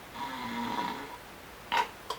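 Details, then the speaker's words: Adult imitating a 'flycatcher' snore: a drawn-out, droning snore, a pause, then a sudden short gulping snort and a click. "El cazamoscas es aquel que, bueno, desprevenidamente te pega un sorbo que ni te lo esperas, después de una continuación de ronquidos de tipo hambriento, por ejemplo, o tipo oso."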